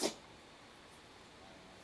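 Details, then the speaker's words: A dog sneezing: a single short, sharp burst of air, then quiet room noise. "Can you hear my dog sneezing right now?"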